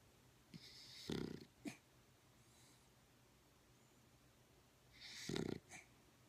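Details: Soft, snorting breaths with two short, gusty snores about four seconds apart from a dog in very deep sleep; owner suspects REM sleep or sleep apnea; light snoring.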